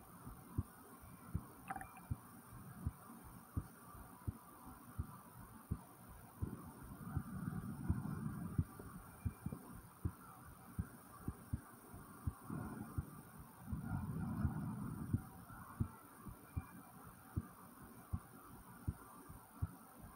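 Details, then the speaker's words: Own heartbeat recorded after 10 jumping jacks: steady thumps at about 85 a minute with slow breaths drawn in and out; heartbeat after exercise. "Was my heartbeat. I did some jumping jacks and I even breathed in and breathed out."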